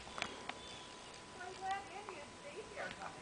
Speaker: this is the world's cutest kid with hiccups what you got hiccups where'd they go oh there they